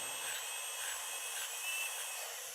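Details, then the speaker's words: Steady high-pitched dental drill whine during root canal access cavity preparation on tooth 18 (IRM build-up over decay under the crown), cutting step by step toward the top of the pulp chamber; patient feels it slightly. "What we're trying to get into is just the very top of that pulp chamber because once we get to that point, we really know where we"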